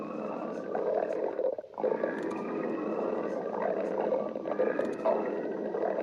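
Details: Continuous low, gurgling rumbles with brief pauses and bubbly surges; ordinary stomach growling (borborygmi) from gas and fluid moving through the gut.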